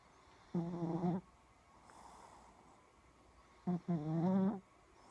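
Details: Shih-tzu puppy snoring in sleep: low buzzing snores on breathing in, separated by quieter breaths out.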